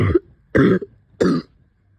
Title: Covid cough 2